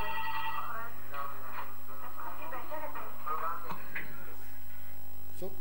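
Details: Young woman with spasmodic dysphonia after treatment with botulinum toxin and medications; she can now talk, described as much better.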